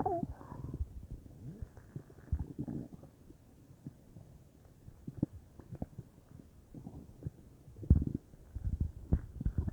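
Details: Bowel sounds (borborygmi) from a bubbly belly, unsure whether stomach or intestines: low gurgles, rumbles and bubbling pops, some faint and some louder.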